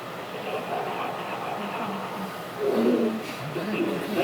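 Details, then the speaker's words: Hyperactive bowel sounds via stethoscope diaphragm on the abdomen: loud continuous high-pitched rushing, gurgling and tinkling with wavering squeaks, signaling increased motility. "hyperactive vowel sounds are loud continuous high pitched rushing and tinkling SS that signal increased motility they sound like"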